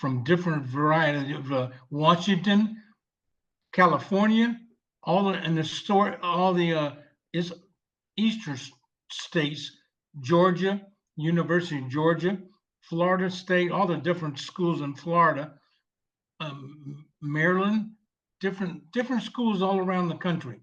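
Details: 74-year-old male veteran with aphasia from a stroke 7 years ago, initially unable to read, speak or write, now speaking with repetitions; non-fluent aphasia.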